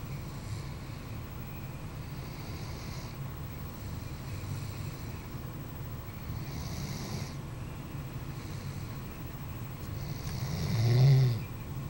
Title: Snoring Doberman